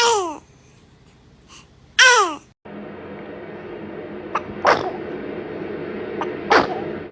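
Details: Baby sneezing: two high, squeaky infant sneezes, then two or three smaller sharp sneezes over steady background hum; repeated infant sneezing.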